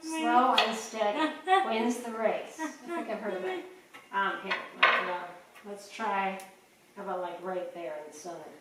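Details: Adult speaker; speech.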